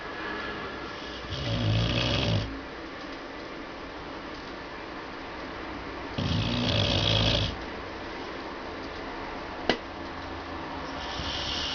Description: My 1 year old beagle sleeping and snoring under the workbench.